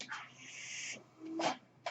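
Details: Sound of the speaker's own mechanical ventilator during recorded speech: a steady airy hiss, then a brief valve-like puff with a short tone, one ventilator breath cycle.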